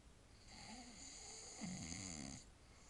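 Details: Man asleep at night after a day of partying, snoring: a single rough, rattling snore on an in-breath with faint room hiss.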